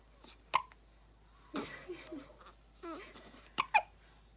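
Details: Four-day-old newborn baby with hiccups: soft, sharp hiccup sounds about three seconds apart, with small baby noises between them.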